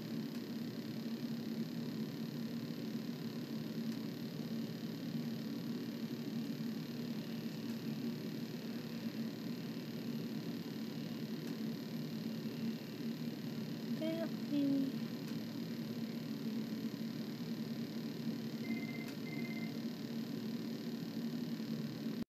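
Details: Steady low mechanical hum of a ventilator running, with a brief soft squeak and two short beeps, from a 2-month-old baby on the ventilator who is smiling.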